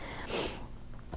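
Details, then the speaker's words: Sleeping dog in a quiet room: a single short, noisy snorting breath, snoring. "can you hear that guy snoring"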